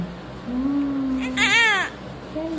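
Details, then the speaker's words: Brief high-pitched wailing cry with a softer whimper before it from a newborn boy, 3.1 kg, born by normal delivery in a lying-in clinic; ordinary newborn cry. "Naiyak siya. Bakit? Bakit naak yan si baby?"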